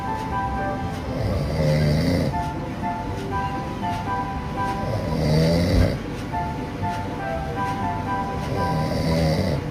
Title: Rating of moments people snore 😪😴 #shorts #ranking #funny #fyp